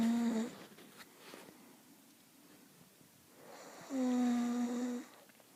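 Two snores about four seconds apart, each a steady, whistling buzz lasting roughly a second, with quiet breathing between them.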